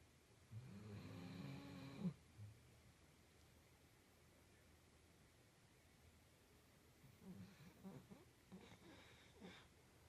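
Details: Sleeping pet snoring after a bad day: a quiet, low rumbling snore, one long inward snore, then a softer, broken one after a pause.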